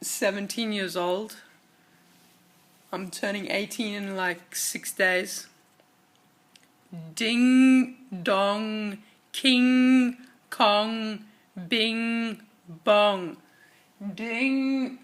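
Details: Male aged 17, recorded before diagnosis; voice high-pitched, cracky and breaky, hard to use loudly, with dry, constricted throat; ENT later diagnosed puberphonia, attributed to anxiety-related laryngeal muscle tension; puberphonia.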